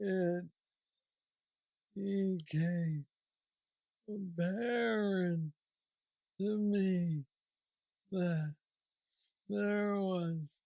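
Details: 46-year-old man with Parkinson's disease diagnosed at 35, about 11 years ago, which he describes as the most aggressive form, with mobility struggles and a deep brain neurostimulator implant; real patient; hypokinetic dysarthria (Parkinsonian speech).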